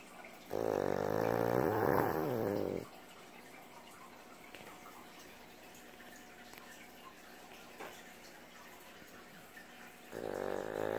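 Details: Pug sleeping on owner's lap: two long, nasal, whistling snores separated by several seconds of quiet; snoring.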